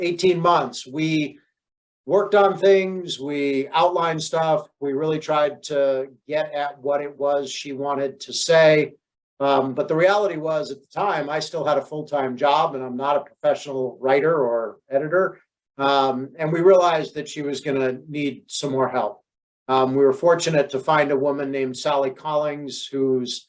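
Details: Adult man speaking; Normal speech.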